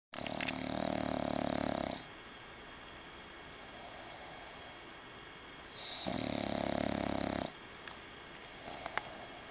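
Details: Dog snoring in sleep with eye open: two long, loud rattling snores about four seconds apart, with quiet breathing between them.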